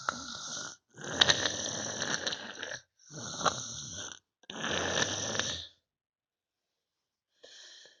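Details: Sleeping person snoring "like a tank": loud, harsh, rattling snores in long drawn breaths separated by brief pauses; heavy snoring.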